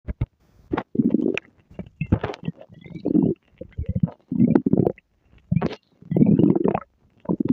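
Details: Stomach growling (borborygmi): repeated low gurgling and rumbling bursts from the belly, ordinary sounds of gas and fluid moving through the gut.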